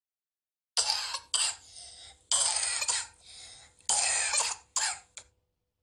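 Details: A child's cough: about six harsh, drawn-out coughs in close bouts with noisy whistling breaths between, an asthma-type cough with wheeze.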